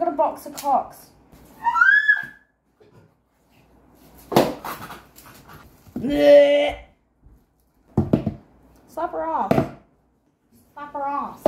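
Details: Vocal tics in a speaker with Tourette syndrome, a neurological condition, while preparing Christmas food with their mother.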